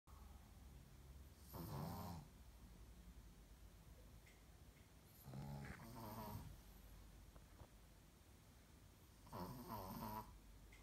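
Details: Sleeping female Brussels Griffon snoring: three rattling, snorting breaths about four seconds apart against quiet room noise.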